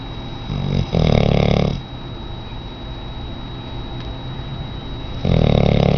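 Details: Very large female auburn Labrador in rescue, snoring in sleep: two loud, buzzing snores a few seconds apart, with a faint steady tone behind them.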